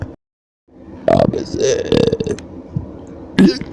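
Three loud, croaking belches with brief pauses between them: repeated burping.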